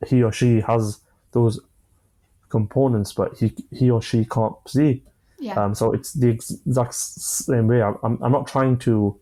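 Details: 25-year-old man who has stammered since early childhood; he says it began after an asthma attack, involves blocks, and he manages it with breathing methods and pauses; stuttering (stammering).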